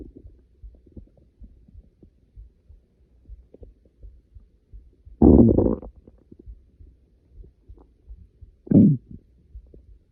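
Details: Person waking up starving before class, stomach growling: two loud, low gurgling growls over faint background rumble; ordinary hunger borborygmi.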